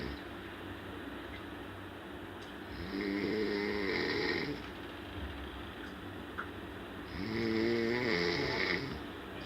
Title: funny snore|| Dubai ||